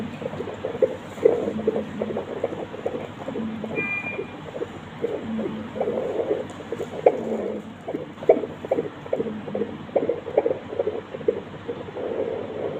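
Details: Rapid rhythmic whooshing beats near 140 a minute, a normal fetal heartbeat over steady background hiss.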